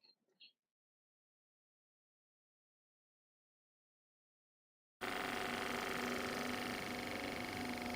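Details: After silence, a MiniFlow percussion massage gun runs with a steady, rapid buzzing hum, about 240 pulses a minute, on its lightest setting, used with a towel on the skin beneath to dampen it.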